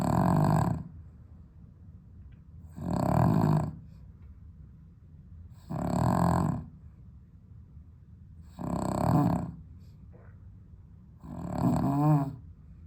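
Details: Loud, regular rattling snores at about 21 breaths a minute from a sleeping dog with sleep apnea, improved on heart medication, on a very hot 32°C day in London without air conditioning.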